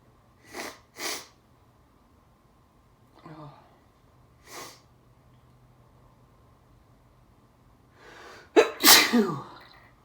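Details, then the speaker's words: Adult sneezing fit induced by Chhinkni snuff: several sharp sneezes and forceful breaths, ending in a loud explosive sneeze. "think I'm gonna sneeze."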